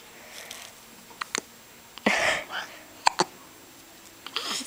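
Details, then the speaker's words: Hiccups in a little one: several short, sharp hiccup sounds at irregular intervals in a quiet room, with brief vocal noises between them. "ok the little one has the hickups"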